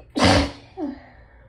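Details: Hayfever (allergic rhinitis) sneezing after a day of building symptoms, with the nose raw from rubbing: a single forceful, breathy sneeze followed by a short voiced gasp. Some sneezes forced through nose and mouth together make a deep honk.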